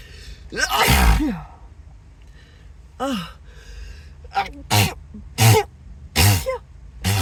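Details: Acted sneezing fit; the person suspects an allergy and reports dizziness and a tingling, buzzing nose. About six loud sneezes in a rapid run, some preceded by rising gasps.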